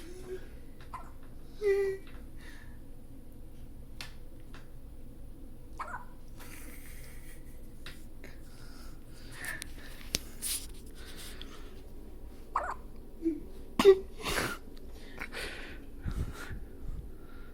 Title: Squeaky Hiccups